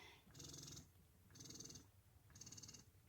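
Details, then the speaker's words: Motif Luna double electric breast pump in massage mode: rhythmic mechanical whirring pulses about once a second, quick suction cycles to stimulate letdown, non-adjustable cycle speed, suction level adjustable 1–5. "that's just really quick uh suction to stimulate and get a letdown but you can adjust the level"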